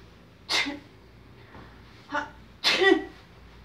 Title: A person is dressing and undressing while sneezing